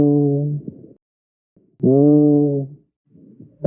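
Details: Egophony on a chest auscultation simulator: a spoken "E" heard through the stethoscope as a muffled, nasal, bleating "A" over an area of consolidation.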